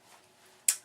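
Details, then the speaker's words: 52-year-old heart failure patient with a mechanical aortic valve and severe regurgitation, awaiting a second valve replacement: a single sharp metallic click over faint room hiss, the valve slamming shut at the second heart sound, audible nearby. "that second heart sound and is the sound of the metallic valve slamming shut in effect so what I get is I get look click look click click"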